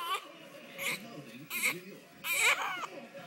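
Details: A hungry baby girl crying while she has hiccups: short, high-pitched fussy cry bursts, an ordinary hunger cry.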